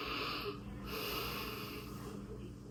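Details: Normal deep inspiration heard during an upper-body physical exam; heart sounds otherwise normal, S1 and S2 without extra beats or murmurs.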